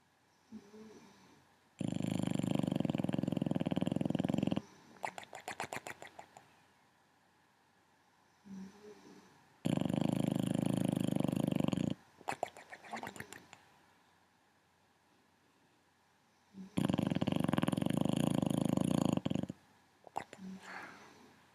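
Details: Foster rescue boxer dog snoring while asleep: loud, rough, rattling inhalations about every seven seconds, fluttering snorts as each breath ends; heavy snoring.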